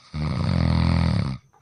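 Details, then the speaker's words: Person snoring during sleep: a single low, rattling, buzzing breath noise lasting over a second; snoring. "আপনি কি কখনো ভেবে দেখেছেন কিছু মানুষ ঘুমানোর সময় নাক ডাকে"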